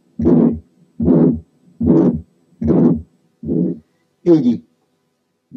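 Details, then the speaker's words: Ejection systolic murmur given as a test example to tell it apart from a pansystolic one: regular cycles at about 74 a minute, each with a rough, fairly long ejection murmur. "تعالوا بقى نعمل اختبار لنفسنا ونسمع المرمر اللي جاية. يا ترى دي بانسيستوليك ولا ايجكشن؟ طبعا ايجكشن."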